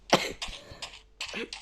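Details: A short run of dry, throaty coughs in quick succession, about four bursts, from a Russian-speaking person recording a Minecraft gameplay video, who apologises for the cough.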